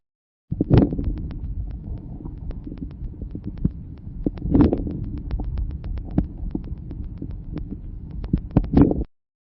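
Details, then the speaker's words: Teaching lung-sound recording: a few brief crackles bunched at the start of each inspiration, early inspiratory crackles, described as characteristic of severe bronchial obstruction. "Ils sont peu nombreux et localisés au début de l'inspiration. Ils sont caractéristiques d'une obstruction bronchique sévère."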